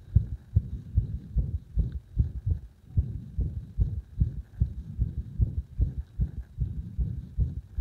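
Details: Arrhythmia induced by gradually increasing compression on the heart: rapid low heart thumps near 150 a minute with uneven spacing and varying strength.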